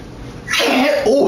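A brief noisy burst of air after a quiet lead-in, consistent with a single sneeze.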